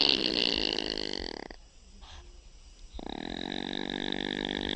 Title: Opossum sounds | How does an opossum snore